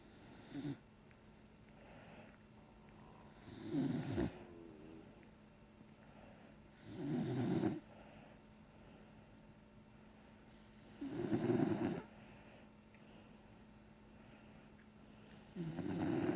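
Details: Sleeping pet nicknamed baby panda snoring: soft snoring breaths about every four seconds, roughly 15 a minute, with a faint steady hum behind; ordinary snoring.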